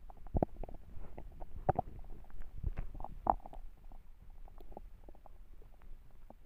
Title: A hungry stomach growls